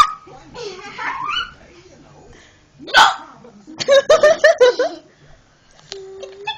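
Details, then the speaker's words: A person hiccups repeatedly while saying they need to stop hiccuping: sharp, abrupt voiced catches amid laughter and talk. "Stop hiccuping. I need to stop hiccuping. I need to stop hiccuping."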